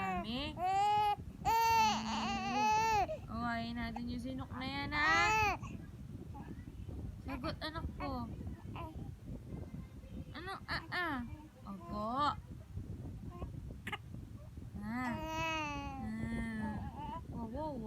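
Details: Infant during their first episode of hiccups: repeated wailing cries that ease into softer whimpers and fussing before another crying bout; infant cry.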